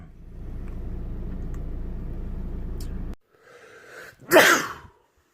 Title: World loudest sneezes